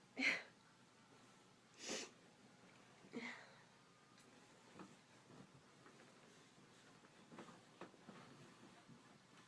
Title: Induced sneezing in bed